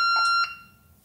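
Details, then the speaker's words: corpuls3/corpuls3T defibrillator alert tones during a demonstrated synchronized emergency cardioversion at 120 joules for tachycardic arrhythmia; energy charged, everyone clear of the patient, shock delivered by holding the shock button, then quiet. "The energy is prepared by pressing the “Charge” button. Attention, we are cardioverting the patient, everyone away from the patient."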